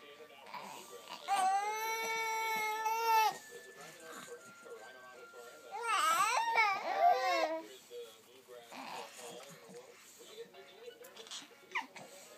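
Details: Two bursts of high-pitched infant crying with wavering pitch, soft music and room noise behind, from 2-month-old twins; infant cry.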